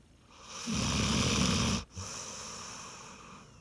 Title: loud snoring dog